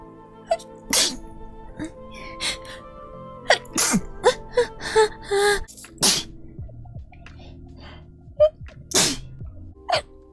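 A run of short, sharp sneezes, several in quick succession, over background music.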